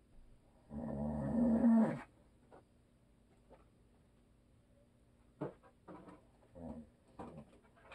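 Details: A husband who is a habitual snorer, asleep in a quiet room: one loud, rough snore, then quieter short snorts and breathing noises.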